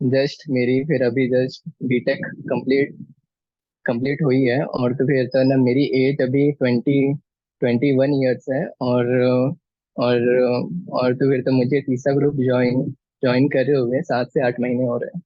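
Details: Male poet introducing himself at a stammering association's poetry event, with word and phrase repetitions; stammering.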